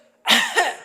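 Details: A single sharp, explosive burst of air after silence: an imitated sneeze done with chest and chin slightly lifted, demonstrating a way for people with low back pain or disc problems to sneeze with less spinal strain.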